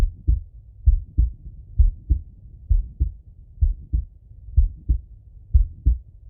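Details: Adult male heartbeat and breathing via stethoscope auscultation: regular paired lub-dub beats at about 63 per minute with soft breath noise between; normal heart sounds.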